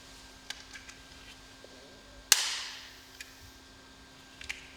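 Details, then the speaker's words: Small clicks, then a sharp snap and a brief fading hiss as a Respimat soft mist inhaler is primed before first use: base turned until click, cap opened until snap, button pressed, repeated until a mist cloud appears. "ouvrez le capuchons protecteurs complètement jusqu'au claquement appuyer sur le bouton de déclenchement refermer le capuchon répéter l'étape précédente jusqu'à ce que vous voyez un nuage"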